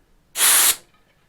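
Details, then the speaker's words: Portable oxygen cylinder valve briefly opened with the regulator removed: single sharp, steady hiss of about a third of a second as oxygen escapes freely from the outlet; gas hiss from oxygen cylinder valve. "the oxygen escapes for them right there"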